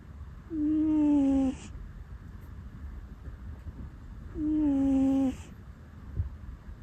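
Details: Rescue cat sleeping, which always makes 'puu' sounds while sleeping: two soft, steady tonal whistling breaths about four seconds apart; gentle cat snoring.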